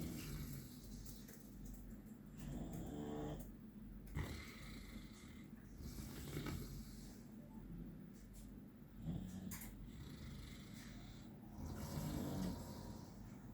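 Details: 16-week-old puppy asleep, snoring loudly: repeated low rumbling breath sounds rising and falling, about five cycles with soft noise between; snoring.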